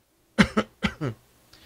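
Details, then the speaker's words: Voluntary adult cough into a Heil PR40 microphone during a mic test: four short, sharp cough bursts in two quick pairs, in a quiet room. "oh when I'm coughing on this mic how how you can hear that and you think hear hear do it really quick I"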